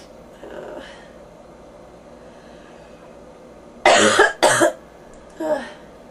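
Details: Bronchitis cough in a person with fever and ears popping: two harsh, loud coughs in quick succession, then a softer third, with a faint throat sound before.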